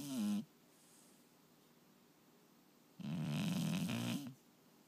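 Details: Loud, fluttering inspiratory snores, about one every three seconds, separated by quiet pauses. Snoring.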